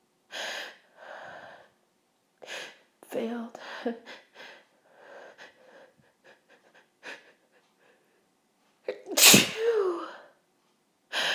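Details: Pepper-induced sneezes from a woman trying to hold back: a run of short stifled sneezes with sharp breaths between, then one big explosive sneeze.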